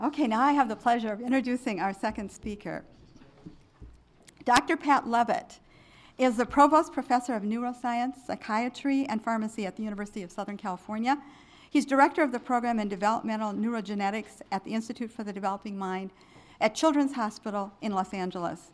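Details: Adult woman speaking; normal speech.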